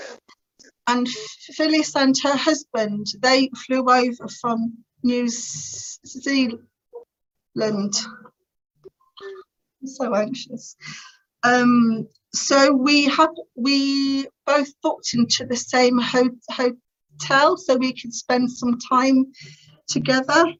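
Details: Adult woman who has stammered since about age three, describing it as uncontrollably bad, with teenage years when she could hardly put two words together; later attended the Starfish Project speech therapy course to gain control; stuttering.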